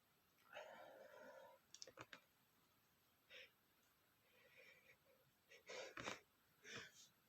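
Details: Adult male sneezing after smelling flowers, at first trying to hold back: soft, partly stifled sneezes with catching breaths and short puffs, then fuller sneeze bursts, in a quiet room with faint hiss.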